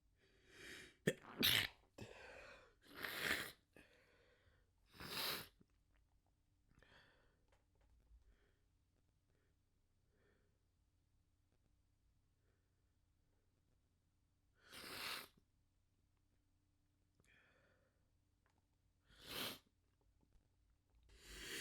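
Several stifled and full sneezes, some in quick clusters, separated by quiet pauses.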